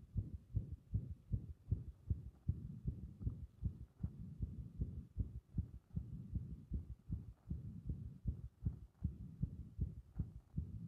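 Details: A heart in which compression triggers repeated arrhythmias: fast, muffled heartbeats with uneven spacing and runs of extra beats, a recurrent irregular rhythm.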